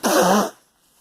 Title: Girl coughing